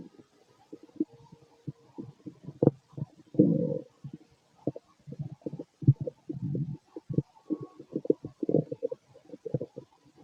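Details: Adult male stomach growling late at night after a large meal, feeling gassy: low gurgling, bubbling rumbles with irregular pops and longer churning runs; normal bowel sounds (borborygmi).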